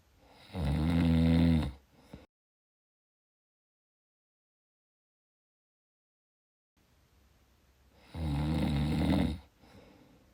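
Two loud, rough, rattling snores on breathing in, separated by a quiet pause, with a snort-like ending.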